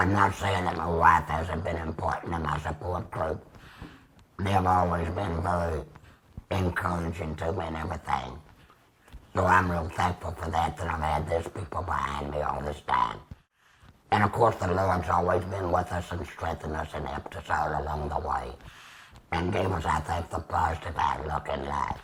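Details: 75-year-old man using tracheoesophageal speech about two years after laryngectomy (tracheostomy, then radiation), with a Provox Vega voice prosthesis, extra HME cassette and Stabila base adhesive.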